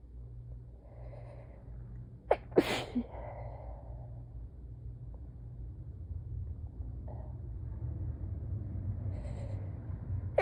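A single wet, forceful sneeze with a quick intake before it, then quiet breathing over low room hum; part of a sneezing fit.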